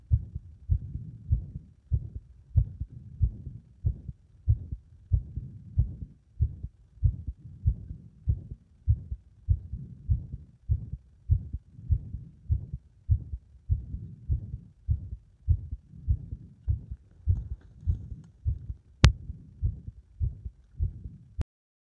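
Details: Heart under compression becoming unstable; muffled heartbeats at about 100 a minute with uneven spacing: irregular heart rhythm.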